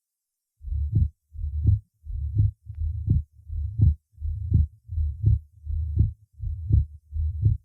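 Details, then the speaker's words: Accentuated and split second heart sound over the pulmonary artery in a patient with mitral valve disease: regular heart sounds near 83/min. "прослушайте акцент и расщепление 2 тона на легочной артерии у другого больного с митральным пороком сердца"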